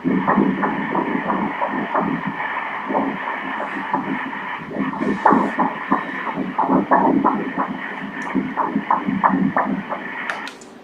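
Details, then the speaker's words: Fetal heartbeat on ultrasound Doppler at 10 weeks 1 day of pregnancy with bleeding; rapid, regular whooshing pulses at 180 beats a minute, stated normal for this stage. "nhịp tim là 180 nhịp mỗi phút , thật tuyệt vời!"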